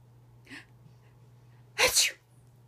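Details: Dog trained to pretend sneeze: a soft snort then one sharp, explosive sneeze-like burst, a trained fake sneeze rather than a true one; sneezing.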